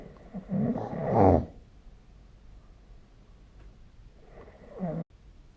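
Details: Snoring recorded with the SnoreLab smartphone app during sleep: one loud, rough snore on the in-breath, then a quiet pause and the start of a second snore; ordinary snoring.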